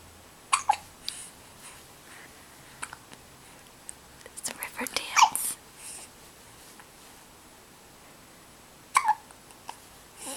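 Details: Sharp, abrupt inhaled hics with soft whispering and room noise between them, jokingly likened to doing an Irish jig: hiccups.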